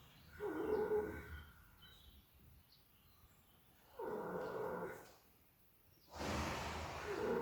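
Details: Three long, rough, droning breath sounds a few seconds apart with quiet pauses between; snoring during sleep.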